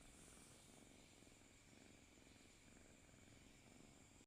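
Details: Cat asleep with its head resting on its owner's arm, purring: soft, steady rhythmic rumbling with a faint airy hiss on each breath, a normal contented sound.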